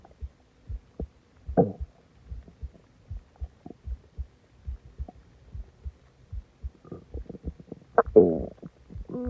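Irregular bubbling gurgles and low rumbles from the belly with a louder groan near the end: ordinary stomach growling after a large meal.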